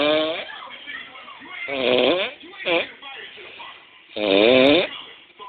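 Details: Roommate snoring during sleep: loud, rough, buzzing snores in irregular bursts, roughly three in five seconds, with quieter breathing between them.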